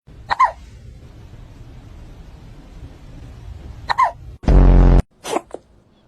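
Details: Cat hiccups: two short, sharp chirp-like hiccups about four seconds apart, then a loud rustling burst; the owner suggests they came from eating food too fast.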